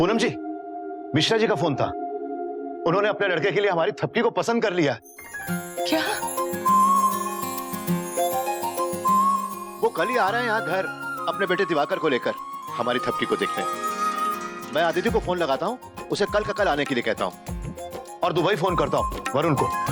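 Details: Adult male speaker, TV drama; typical speech.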